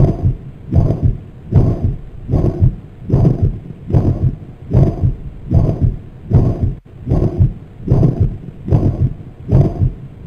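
Regular heartbeat near 75 a minute with a loud holosystolic murmur that blurs the heart sounds: mitral regurgitation.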